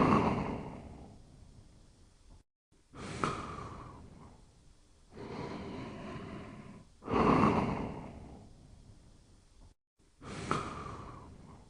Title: Toby Sleeping and Snoring Quietly in 58 seconds